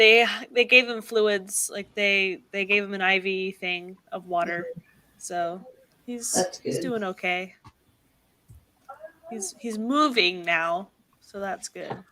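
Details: Adult woman who reports a really bad stutter; repetitions are audible.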